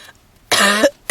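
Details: One harsh, forceful, throaty cough burst after a brief quiet stretch, from a young redheaded woman smoking a cigarette in a car, with heavy smoker's coughing and wheezing.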